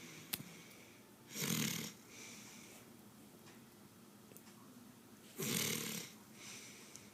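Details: A mother snoring: two loud rattling snores on breathing in, each followed by a softer outward breath, about 15 breaths a minute in a quiet room.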